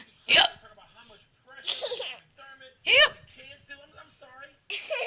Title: She likes hiccups